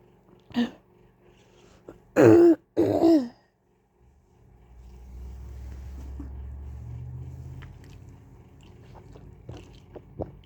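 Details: An adult briefly clears the throat, then gives two loud, harsh coughs in quick succession, followed by a low hum and faint clicks.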